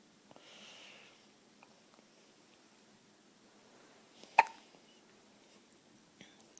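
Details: Baby with hiccups, seeming uncomfortable; hiccups.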